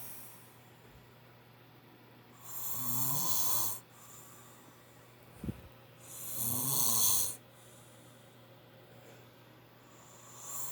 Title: My dad snoring loud